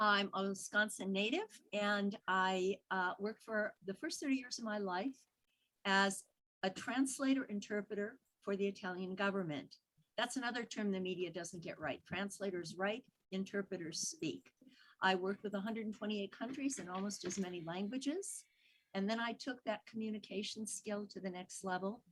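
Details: Adult woman; Normal speech.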